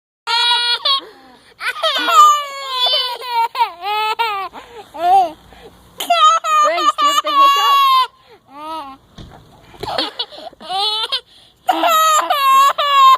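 High-pitched infant crying in short, irregular wailing bursts with brief pauses between them; an ordinary fussing cry.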